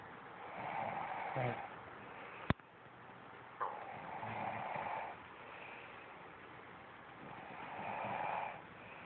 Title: Girlfriend snoring...